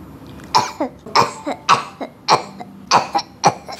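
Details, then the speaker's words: A child, asked to cough, gives six dry, barky coughs in a repetitive run: a habit (tic) cough that goes on all day but stops during sleep. "βρε ξέρετε τι έχει λοιπόν έχει έναν βήχα που λέγεται βίας τικ βήχει όλη μέρα αλλά άμα πέσει για ύπνο δεν βήχει"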